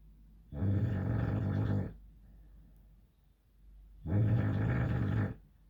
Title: Snoring bulldog nap